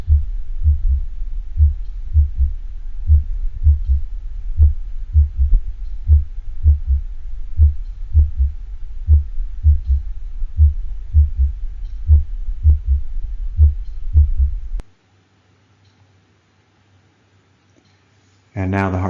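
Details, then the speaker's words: Heart sound simulator imitating a horse: a slow, regular heartbeat of about 40/min with an extra early diastolic third heart sound (S3). "let's listen to an attempt of the heart sound simulator to create an s3 sound and a horse"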